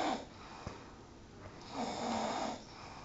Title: Authentic Indian Snoring - Parenteral Guidance Adviced